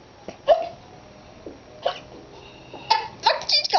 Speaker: Look at you. She got the hiccups. Got the hiccups.